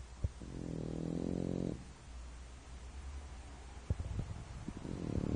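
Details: Bento, a French Bulldog, sound asleep: a low, buzzing snore during the breath, then quieter breathing with soft snorts; snoring.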